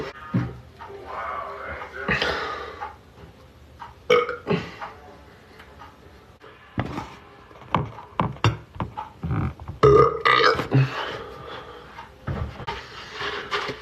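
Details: Adult belching on a TikTok live stream in a bathroom: several loud, low, rumbling belches with faint background music in a small room; belching (eructation).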